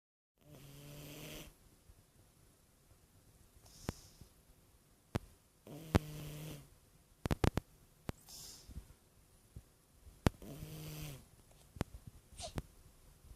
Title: Snoring😪